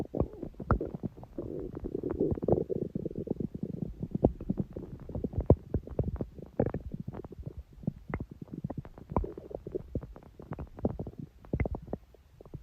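Long run of low gurgling, rumbling and bubbling: stomach growling from gas and fluid moving through the gut, a normal sound.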